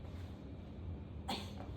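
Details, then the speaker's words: A single brief, deliberate cough from an adult woman on request during a hernia check while the examiner palpates the epigastric, umbilical and inguinal areas; she reports no pain; voluntary cough. "As I'm pulping, I'm going to have you cough and just let me know if you feel any pain. Okay. Cough, cough, cough, cough."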